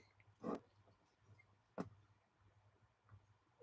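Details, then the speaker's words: Old female cat snoring while asleep: two soft, rough, throaty bursts with fainter breaths between, over quiet room noise. "Can you guys hear the cat snoring? It's amazing."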